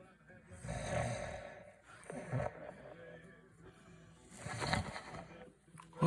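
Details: Loud, rough, rattling snoring through nose and throat, rising and falling in a few irregular bursts with some room noise, recorded as a prank.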